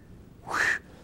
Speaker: it can be low pitched like or high pitched like it can also be pulsatile a sound like this